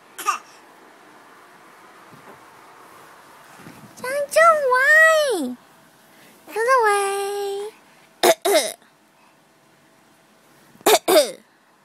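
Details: Infant almost 8 months old, asked to imitate a cough, makes short, forced cough-like bursts between babbling: a voluntary, imitated cough.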